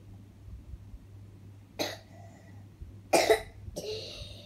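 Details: Young child with a cough, thought linked to eating ice cream and cold drinks: three short coughs over a few seconds against low room hum.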